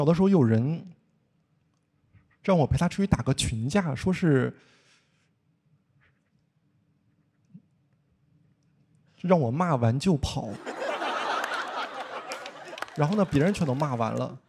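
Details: Stuttering with blocks in an adult male stand-up comedian who has stuttered since childhood, formerly severe.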